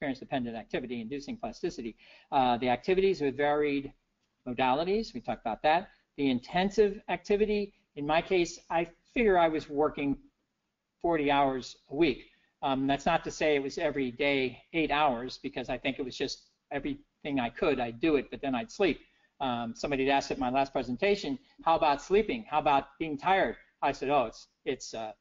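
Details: Adult man with persisting aphasia after a stroke in 2011, years into recovery following aphasia therapy; notes he still makes errors such as wrong numbers; aphasia.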